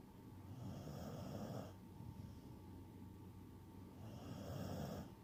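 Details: Snoring.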